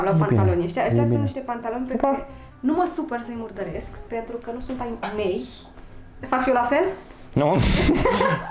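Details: Adult speaker, Romanian; no disorder (ordinary speech).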